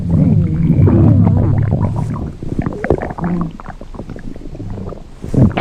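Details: Loud gurgling, bubbling low rumbles with shifting pitch, fading then rising again: exaggerated comedic stomach rumbling from a game character (T Mobile Bot), a hunger joke.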